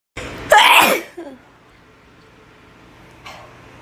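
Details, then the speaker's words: Person in a bathroom during a sneezing fit they say they can't stop: one loud, explosive ordinary sneeze after a short intake of breath, followed by quiet room noise. "oh my God PO is really bad I I I can't even talk oh my God oh my God I I can stop sneezing oh my God it's"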